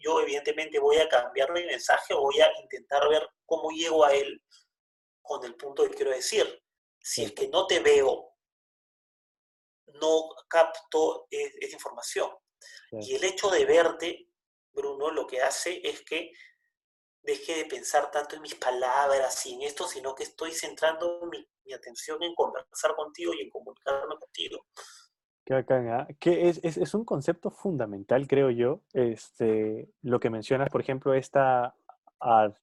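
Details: Stuttering in Spanish conversation between two adult men who both stutter.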